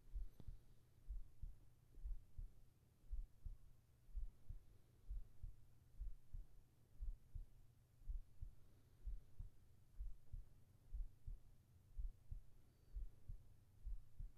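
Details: ASMR heart sounds for sleeping, recorded with a whispered voice: steady, soft low thumps at about 60 beats a minute over a faint hum, a regular normal heartbeat.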